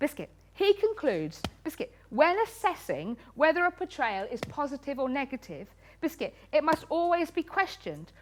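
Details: Woman with Tourette syndrome, a neurological condition causing uncontrollable movements and noises, with very frequent involuntary word tics (one word up to 16,000 times a day) and coprolalia (obscene tics); Tourette syndrome vocal tics.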